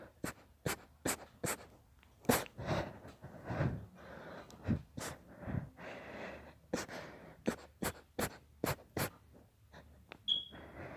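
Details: Quieter sneezing: about fourteen soft, sharp nasal bursts in quick succession, mixed with snuffling breaths.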